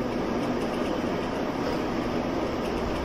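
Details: Handheld nebulizer running with sodium chloride solution, used for a blocked nose: continuous rushing, hissing noise as liquid turns into mist.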